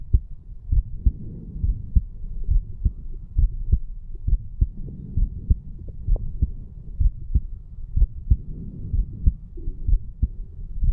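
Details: 34-year-old male, heartbeat recorded at the mitral area right after a farmer's walk exercise: regular low paired heart thumps through a stethoscope with a faint background hum; ordinary heartbeat after exercise.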